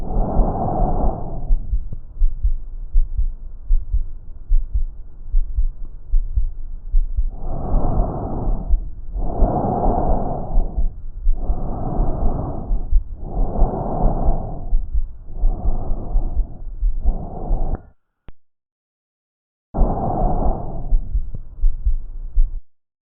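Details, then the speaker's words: Normal tracheal (tracheobronchial) breath sound over the neck: loud, harsh, hollow sounds in both phases with marked pauses. Inspiration comes from air through the glottis vibrating the tracheobronchial spurs; expiration from air passing from smaller into larger bronchi. "el origen del componente inspiratorio es la vibración de los espolones tráquea bronquiales por el paso del aire a través de la glotis el componente espiratorio es producido por las vibraciones del aire cuando pasa de un bronquio de menor calibre a uno de mayor"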